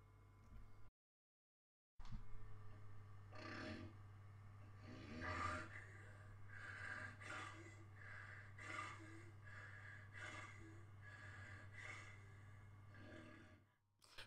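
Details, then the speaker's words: Sleep apnea example: a period of absent or shallow breathing followed by loud snorting snores and gasps, in obstructive sleep apnea with snoring. "as you can see we have a period of lack of breathing or shallow breathing then it's followed by a loud snore"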